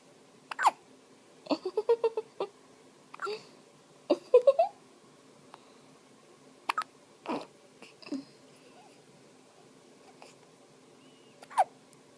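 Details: Infant's first hiccups: brief, sharp hiccup sounds with small vocal noises between them.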